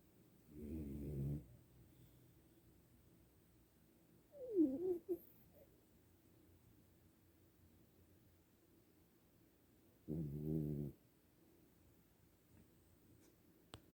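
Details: Quiet snoring: soft, low rumbling snores on slow breaths about ten a minute, with one squeaky breath in between.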